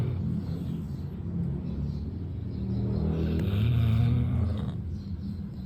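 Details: Golden retriever snoring while asleep: low, fluttering rumble that swells once in the middle, with steady low background hum.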